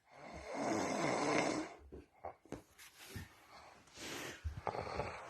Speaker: right here is the north american snoring ball here it is right here this is him in his natural habitat